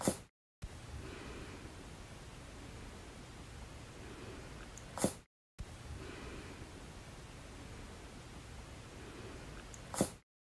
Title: Cute Bunny Sneezing cute and funny animal videos